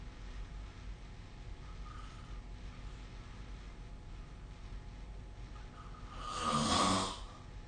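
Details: Snoring recorded during sleep with the SnoreLab phone app: quiet room noise, then near the end one loud, rough, rattling breath lasting about a second.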